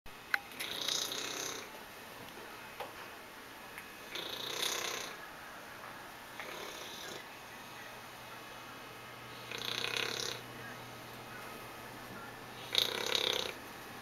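Loud, noisy snoring bursts about every three to four seconds, with quiet room noise between them.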